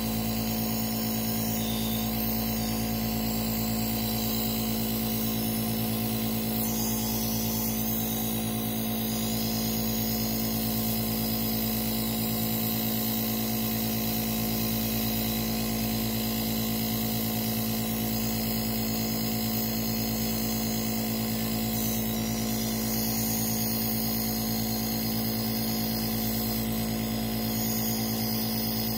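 Steady, unbroken motor hum and buzz of a nebulizer compressor running during an asthma treatment.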